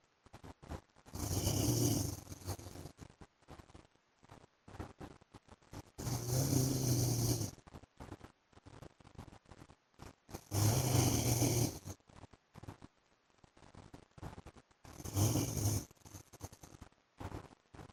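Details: Snoring of a husband during sleep: loud, harsh snores recurring about every four and a half seconds, roughly 13 a minute, with faint crackling between them.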